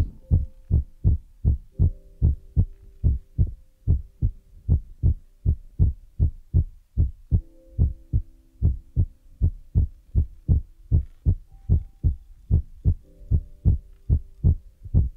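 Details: ASMR ear-massage recording with feather rod and brush sounds; steady low thumping beats about 77 a minute with faint soft tones over them: heartbeat.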